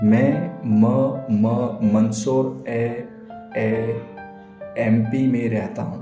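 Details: Stuttering (stammering), self-reported by an adult man, in Hindi speech over background music.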